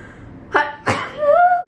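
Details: Woman sneezing on camera: a quick in-breath, then one sharp sneeze followed by a brief voiced exclamation.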